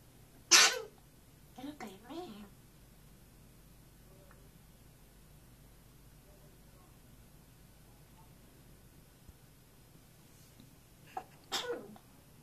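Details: African grey parrot, camera shy, sneezing after trying to sing "You Are My Sunshine": a few short, sharp sneeze-like bursts separated by long quiet gaps.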